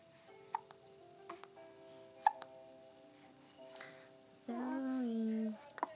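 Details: Several brief, sharp, isolated hiccups followed by a short vocal sound, over soft background music; hiccups.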